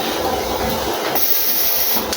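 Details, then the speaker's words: A new XNUO M9 10-litre oxygen concentrator just switched on: a steady loud hiss whose tone shifts partway through as the machine starts drawing in air. "Nah, dia terdak suara itu udah mulai nyedot dia."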